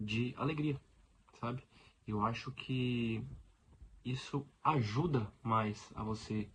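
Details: Stuttering in an adult man who lives with it daily; Portuguese speech.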